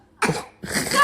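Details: Infant deliberately fake coughing: two short, forced cough-like bursts, not an illness cough.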